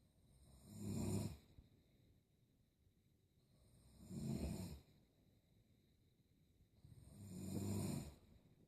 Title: Funny snoring